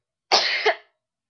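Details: Person deliberately trying to sneeze with eyes open, webcam recording: single explosive burst with a short inward lead-in and quick fading release; one sneeze.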